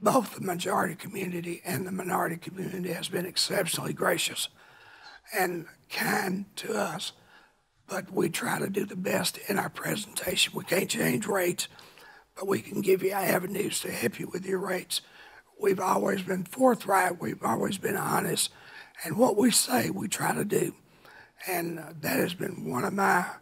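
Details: Adult man with a rough voice from laryngeal cancer, a vocal cord spot found by an ENT specialist and confirmed by biopsy about 23-24 years earlier; now cancer-free, voice remains altered; dysphonia after laryngeal cancer.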